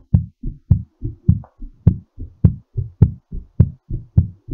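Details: Strong, regular heartbeat at about 103 beats a minute, each beat a paired thump, recorded during recovery after exercise; quickened heartbeat after exercise.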